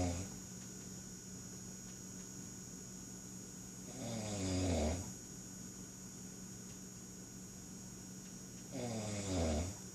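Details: A person snoring: two deep, rattling snores about five seconds apart, near 12 breaths a minute, over steady room hum.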